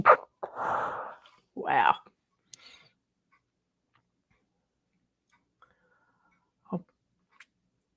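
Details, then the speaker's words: Single spontaneous adult sneeze: a sharp breathy burst, then a brief voiced sound, followed by near silence; sneeze. "I gotta sneeze, y'all."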